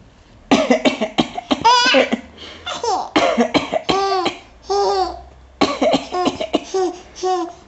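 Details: Adult gives deliberate, staged voluntary coughs while a baby girl about 6 months old (parent thinks) answers each with bursts of giggling laughter.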